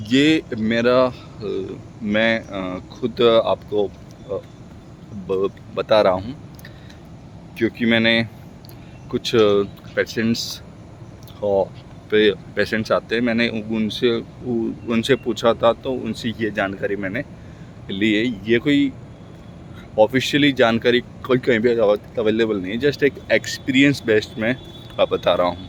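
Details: Man speaking Hindi who stammers, speaking for his own practice; word repetitions heard; stuttering.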